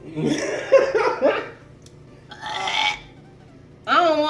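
Loud, drawn-out burps mixed with laughter and chatter, an ordinary belch after drinking soda.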